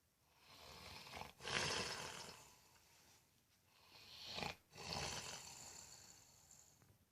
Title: Fat guy snoring